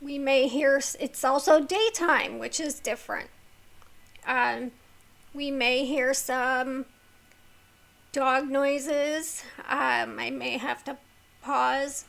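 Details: Woman with a neurological condition causing tremor of the hands, voice and head, plus mild tardive dyskinesia; she strains to talk because of it, making her throat sore: vocal tremor.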